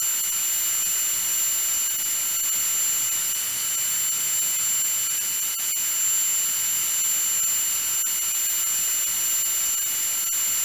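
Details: Sound-effect recording of a dentist's drill: a steady high-pitched whine with hiss throughout.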